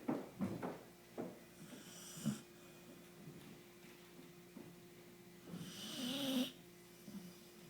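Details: A person snoring.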